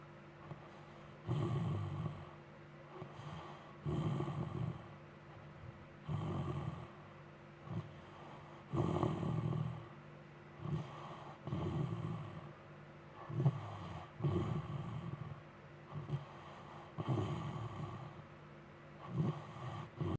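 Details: Juno snoring loudly after a long day, a snorting or grunting sound from her cave: loud, rough, low rumbling snores repeating irregularly about 22 times a minute during sleep; snoring.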